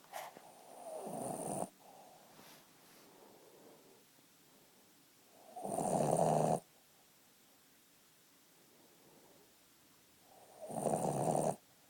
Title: ally the snoring boston terrier